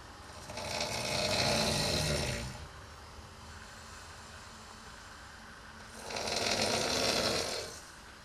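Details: Adult housemate snoring at night during sleep: two loud, rough, rattling snores on breathing in, about two seconds each, with quiet breathing out between them.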